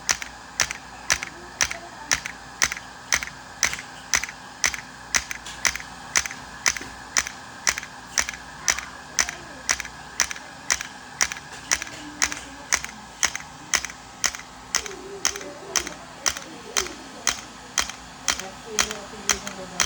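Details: Extracorporeal shockwave therapy for pain at the back of the knee (popliteal area), set to 3Hz/90mJ × 1,000 shocks: sharp, evenly spaced clicks, roughly one per second, steady throughout from the handpiece.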